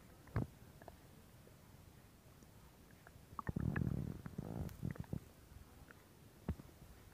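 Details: ASMR stomach growling recording: quiet gurgles and a longer bubbling rumble with scattered pops; ordinary borborygmi from gas and fluid moving through the gut.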